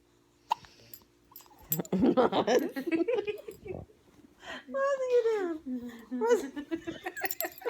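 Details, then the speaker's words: A short, sharp hiccup mixed in with a young girl's laughing, chatter and playful voicing; hiccups. "tara has hiccups"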